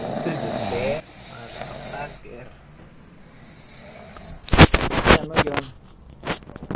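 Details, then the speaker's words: Loud snoring from a sleeping person on New Year's, described as 'deadly snores', recorded on an Android phone. "ronquidos mortales"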